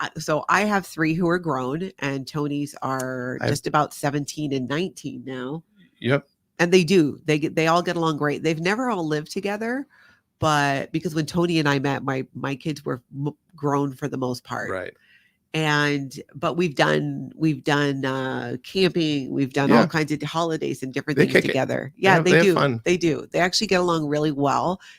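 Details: Adult woman speaking; conversational speech.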